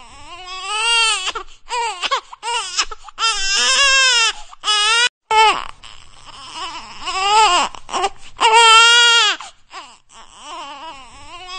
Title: 🎵 아기 울음소리 🎵 5분 듣기 🎵 ASMR ★ 아기 울음소리가 듣고 싶을 때, Baby cry